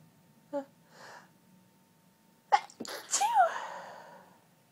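A quick inhaled catch, then two sharp sneezes ending in a drawn-out sneeze; sneezing from hay fever.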